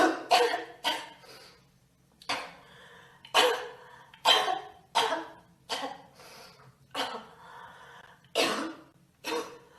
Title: Girl Coughing 375